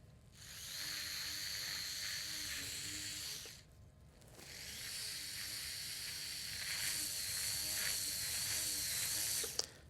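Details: High-pitched whirring of a powered surgical bur in two bursts with brief pause, clockwise rotation, denuding cartilage of the medial cuneiform articular surface during minimally invasive percutaneous Lapidus joint preparation.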